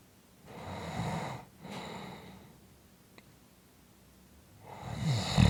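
Rough, rattling breaths during sleep with a pause between them: snoring in a quiet room.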